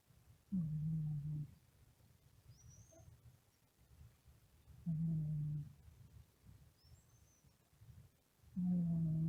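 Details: Sleeping cat snoring: three low, rumbling snores about 3.5–4 seconds apart with quiet breathing between them.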